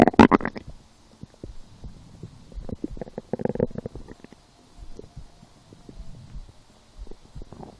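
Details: Stomach growling while lying down after skipping breakfast, a small lunch, then two doughnuts four hours later; felt hungry. Irregular gurgling and rumbling bursts in a quiet room; hunger-related borborygmi.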